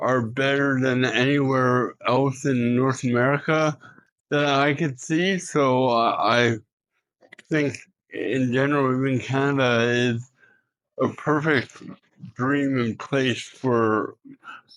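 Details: Adult man with cerebral palsy, an Olympian and professional speaker, in a street interview; speech in cerebral palsy (dysarthria).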